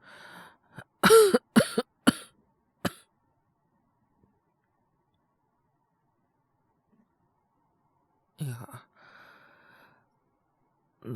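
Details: Acted (voice actor, all performance) male character with a cold and fever: four rough cough bursts, a pause, then a throaty cough and breath.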